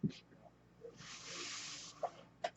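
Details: Soft click, then about one second of airy hiss, then clicks and a puff: the speaker's own mechanical ventilator delivering a breath during a spoken podcast; the speaker identifies the noise as their ventilator.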